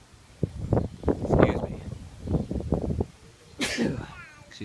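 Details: Adult man outdoors makes low voiced sounds, then one sharp, forceful sneeze with a hissing burst of air, during a sneezing fit.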